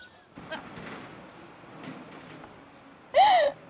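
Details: News anchor sneezing on air while reading a story: quiet breathy sounds, then a single loud, voiced, ordinary sneeze.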